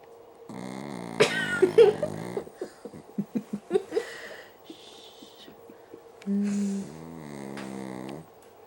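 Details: Irregular snuffling snorts, little squeaks and a short whistly tone in a quiet room from a puppy sleeping in a chair after being sung to: light, uneven snoring.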